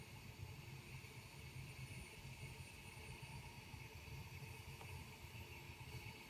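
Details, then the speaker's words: Z1 automatic travel CPAP machine fixed at 10 cm pressure, recorded by phone about 30 cm away, user wearing nasal mask: steady low motor hum with faint higher whine from its small high-rpm motor. "and there you have it so the machine all trouble machines are a little bit noisier than your standard full-size CPAP machines and that's due to the very small motor which has to turn at a very high rpm to generate the full range of CPAP pressures"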